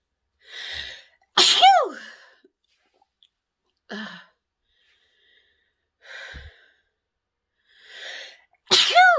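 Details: Adult woman sneezing after sniffing pepper: about three loud, high-pitched sneezes in nine seconds, each preceded by a sharp intake of breath.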